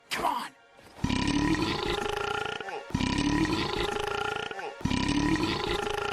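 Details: Three long, loud, deep-voiced belches of about two seconds each, following a brief gulp: repeated burping.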